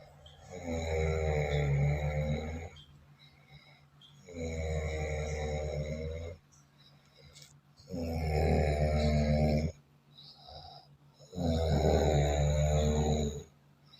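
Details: Loud, coarse, rumbling snores on each breath in, about 17 a minute, with quieter breaths out between, sounding like an engine; heavy snoring.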